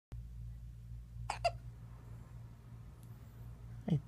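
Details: Two-and-a-half-week-old baby with frequent hiccups: brief, sharp little catches in the infant's breathing over a low background hum, typical newborn hiccups.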